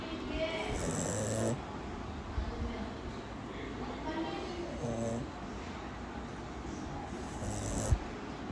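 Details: Shih Tzu dog snoring while asleep: rhythmic, rattling snores about 18 breaths a minute, with faint room noise.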